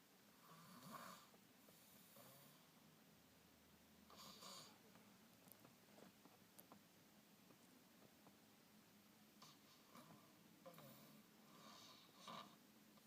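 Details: Soft, rough snoring sounds recur through quiet room noise, with a few snorts; ordinary snoring.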